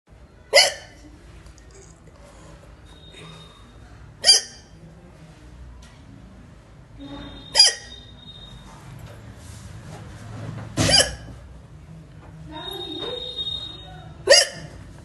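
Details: Adult Indian woman: five sharp, abrupt hiccups about every three to four seconds, roughly 18 a minute, with quiet room noise between them; hiccups.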